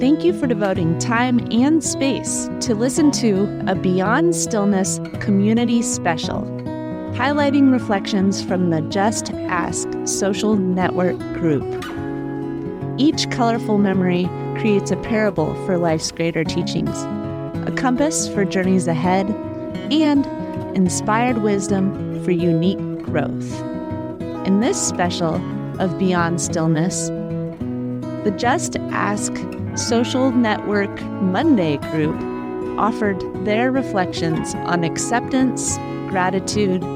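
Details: Adult narrator; normal speech.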